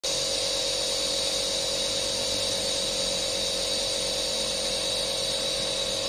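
Steady high-pitched hiss and hum of a nebulizer compressor running continuously.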